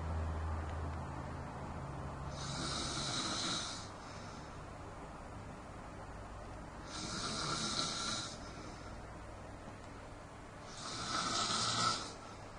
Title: My Grama Snores